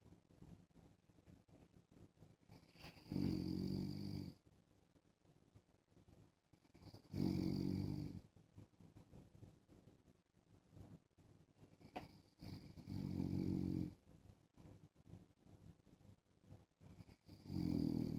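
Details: An adult man snoring while wearing a mask: low rumbling snores on each breath, about one every five seconds (roughly 13 a minute), with quieter breathing between.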